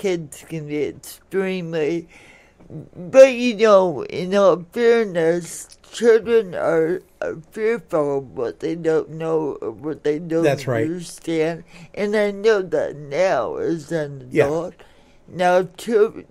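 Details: Adult woman born in 1959 with lifelong cerebral palsy affecting her speech and motor skills, caused by oxygen deprivation to the brain during a delayed birth; some listeners have difficulty understanding her; dysarthria (cerebral palsy).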